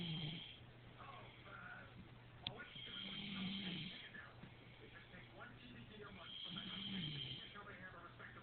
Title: Sir Snores-A-Lot